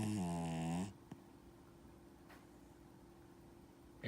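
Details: 12-year-old Dachshund-Yorkie mix dog in deep sleep on a person's hip: a single low, buzzing snore, then a quiet room; snoring.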